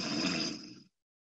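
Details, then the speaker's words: Imitated nasal snoring demonstrated in a sleep apnea talk: one short snore drawn in through the nose, with a fluttering rumble as the soft palate flops back and vibrates; described as sounding different from oral snoring. "if we have snoring occurring we can have the soft palate flop back in the back of our airway and snore nasally now that sounds completely different than oral snoring i'll give you an example"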